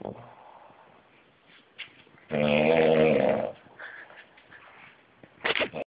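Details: A coworker snoring at work: one loud, rattling snore on a breath, with quieter snuffling breaths around it, in a quiet room; snoring.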